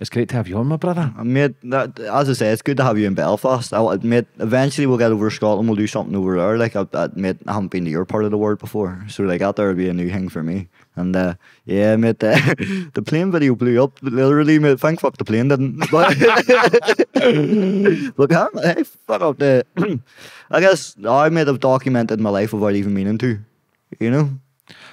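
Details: Young adult man with Tourette syndrome; tics began at 16 as a shoulder tic, spread across his body, and vocal tics followed, with involuntary words and swearing interrupting speech, worse under stress and on camera; Tourette syndrome vocal tics.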